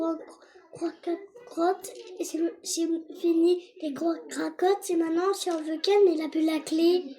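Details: Young child; normal child speech.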